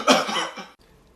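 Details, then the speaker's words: Adult cough, a spontaneous cough into the microphone. "hey well what was that I just had to cough man"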